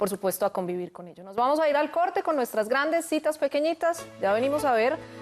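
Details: Adult female TV host; typical speech.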